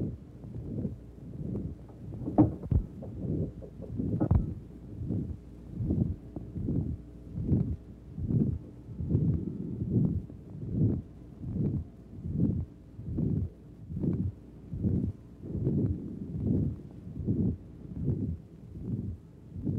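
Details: Woman with valvular heart disease before surgery, deformity of a second heart valve; murmur heard at a different chest area: regular heartbeats near 75 a minute with rough whooshing filling the gaps.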